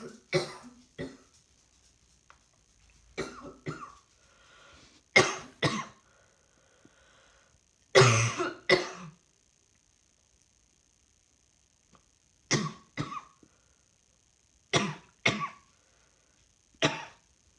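Repeated short coughs, mostly in pairs, about fifteen over the stretch, with a faint steady tone in the background: a recurring cough.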